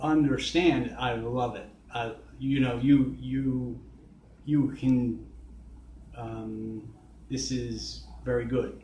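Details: Man with aphasia after a stroke nine years earlier, with complete right-sided weakness, speaking; post-stroke aphasia.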